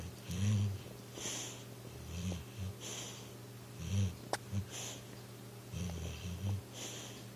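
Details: Pitbull sleeping on a couch, dreaming and twitching as if trying to run, snoring; dog snoring.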